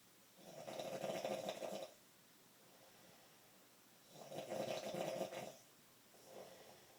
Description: Roommate snores so loud at night ,annoys me much!!!